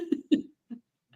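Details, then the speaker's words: A few short, fairly soft, throat-clearing coughs from an adult who is still recovering from an illness, in a small quiet room. "is nearly healthy, but she's here. Yeah, we're not there yet with the proper health. So if I keep coughing, I apologize"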